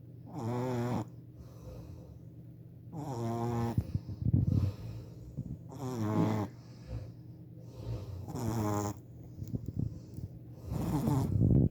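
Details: A 4-month-old Shih Tzu puppy snoring while asleep: steady rhythmic snoring with a rattling buzz on each in-breath, about five snores over twelve seconds.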